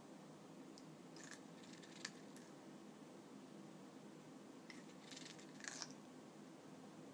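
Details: Soft, scratchy clicking bursts from an African grey parrot grinding its beak as it settles to sleep.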